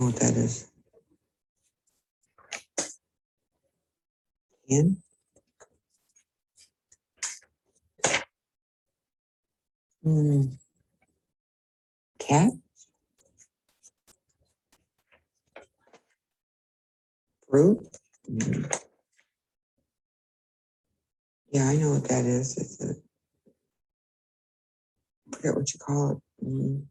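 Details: Patient with semantic dementia, with loss of word meaning, during a picture-naming task; semantic dementia (semantic variant primary progressive aphasia).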